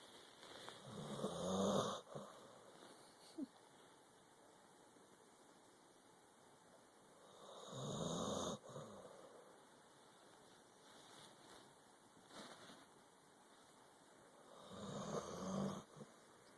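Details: Sleeping dog snoring: soft snores on breaths in, about 9 a minute, over a steady room hum; ordinary snoring.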